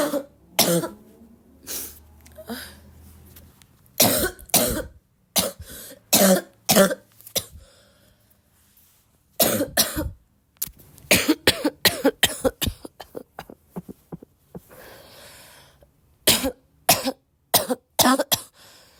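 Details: Person still sick and coughing a lot, tagged as a barking cough: repeated bursts of harsh coughing, some in quick runs, with throat clearing between them; frequent coughing from illness.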